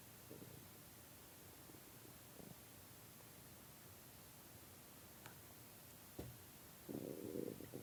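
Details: Low gurgling rumbles from an empty stomach of a person who is starving; ordinary hunger growling (borborygmi).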